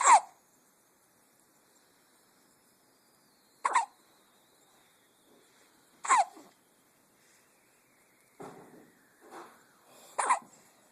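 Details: Baby girl who has a pacifier: four sharp, brief, high-pitched hiccup bursts a few seconds apart, with faint soft infant vocal sounds between; infant hiccups.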